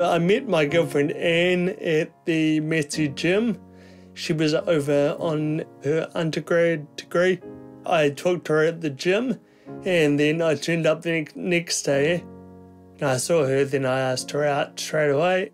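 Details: Man, eldest sibling, with progressive Friedreich's ataxia; symptoms from age 18, diagnosed at 23; the condition affects coordination, balance and speech; ataxic dysarthria.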